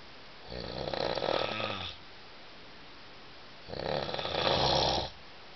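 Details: An adult who had been drinking wine, sleeping in a shared dormitory, gives two long, rough, fluttering snores about three seconds apart, with quiet gaps between: loud snoring.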